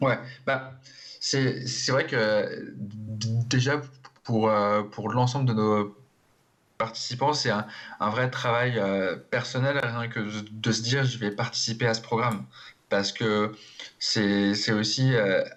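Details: Adult man who stutters, speaking in a TV interview, with audible repetitions; stuttering.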